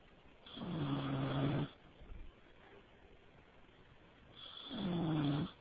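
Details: Man snoring in a quiet room: two long, rough, droning snores a few seconds apart, each lasting over a second; snoring.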